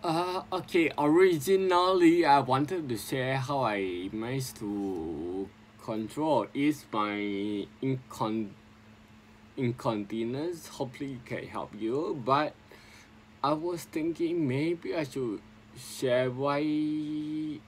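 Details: Adult man with sporadic spinocerebellar ataxia since 2002; ataxic dysarthria.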